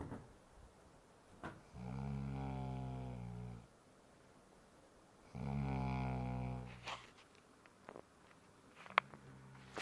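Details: Man snoring: two long, low, buzzing snores a few seconds apart with faint room noise between them; snoring.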